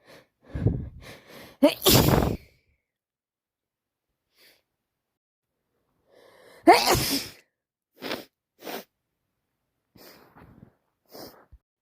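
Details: Person with a wet cold, feeling very ill: several explosive wet sneezes with heavy spray, snorting and sharp nasal exhalations between them; nose dripping, face and legs wet.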